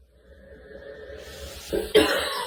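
Two short bursts after a quiet build-up, a small cough then a louder one, with faint music in the background: a child coughing.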